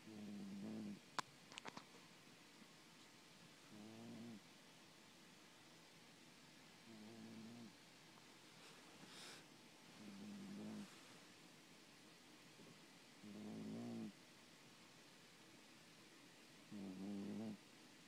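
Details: Regular snores with a tonal, slightly whistling edge, about one every three seconds, in a quiet room; snoring.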